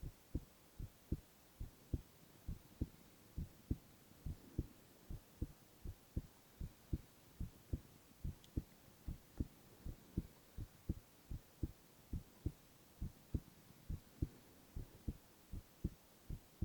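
Steady, regular lub-dub beats at about 70 a minute with a faint hiss behind. Normal heart sounds.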